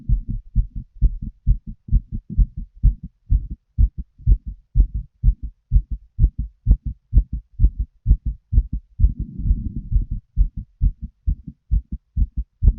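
Regular paired lub-dub heartbeats around 64 a minute, with a stretch of breathing noise partway through.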